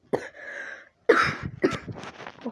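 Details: An adult recovering from a long cough illness gives about three sharp coughs, the first trailing into a drawn-out, throaty exhale.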